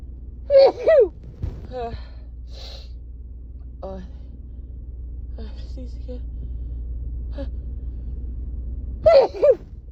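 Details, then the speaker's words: Woman with a persistent head cold sneezing in the morning after waking: two sharp voiced sneezes with quick in-breaths between and quiet sniffing; says her nose tickles, false starts. "Excuse me. My nose tickles. I think I have to sneeze again."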